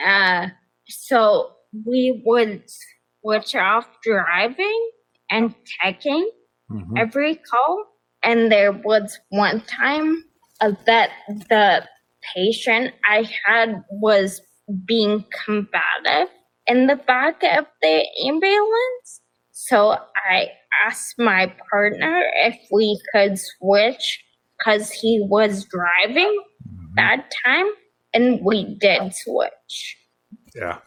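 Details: Adult woman with progressive ataxia of still-undiagnosed type affecting nerves, balance and speech; mainly a wheelchair user: ataxic dysarthria.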